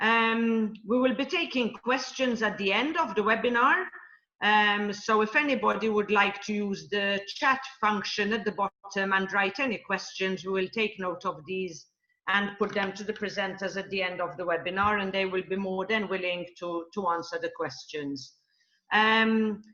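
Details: Adult woman speaking; typical speech.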